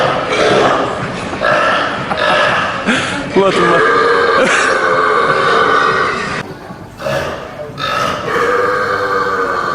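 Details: Repeated burping in a public compilation: several long, loud, throaty belches in a row with brief pauses between them.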